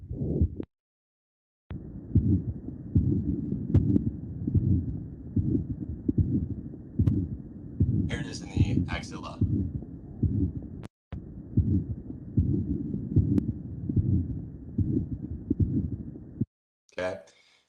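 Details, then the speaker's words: Real patient: regular heartbeat near 74 a minute with a steady, plateau-shaped whooshing murmur extending through all of systole, S1 and S2 barely heard; mitral regurgitation murmur. "here's what mr sounds like it's a plateau-shaped flat-shaped murmur extending all through systole so here's s1 here's s2 you're not really going to hear that you're just going to hear a flat-shaped murmur"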